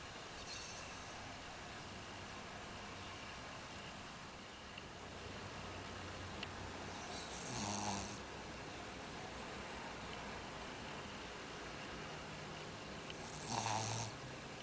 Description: My dog was taking a long nap and was snoring so I decided to take a video of him.